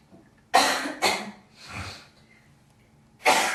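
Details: Girl coughing and hawking up phlegm: three harsh, wet cough bursts with a throat-clearing hawk between them; productive cough.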